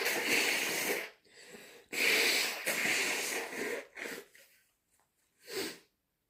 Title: Still sick - Strong, loud sneezes and blows